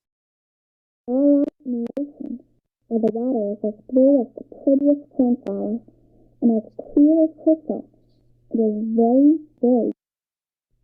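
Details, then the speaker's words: Simulated hearing loss: child's voice reading about The Little Mermaid, heavily muffled with consonants and word endings lost, simulating mild to moderate hearing loss. "and now I'll hit the simulate hearing level button and we'll listen again"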